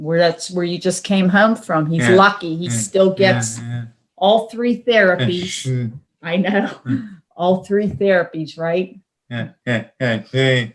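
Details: Adult speakers in conversation; ordinary speech.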